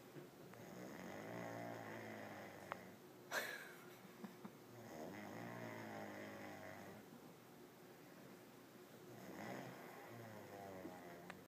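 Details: Sleeping person snoring after too much daytime drinking: slow, rough snoring on each breath in a quiet room, with one brief snort partway through.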